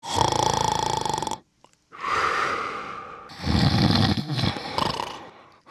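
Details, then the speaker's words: Simulated snoring from a Snoring Santa Christmas tree ornament toy: loud, rattling snoring breaths with a snort and rough exhale, then spoken lines on waking; not a real person. "you startled me I must have dozed off while I was dreaming up new toy [Laughter] ideas cookies you caught me napping on the job"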